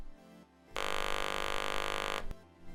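A steady electronic buzz lasting about one and a half seconds: an electrolarynx test tone after diaphragm adjustment.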